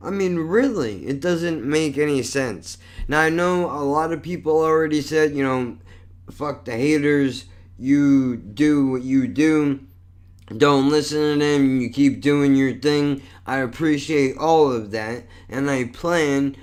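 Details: Adult male with lifelong cerebral palsy, with constantly tight muscles, and multiple sclerosis, which he says affects his speech: dysarthria from cerebral palsy.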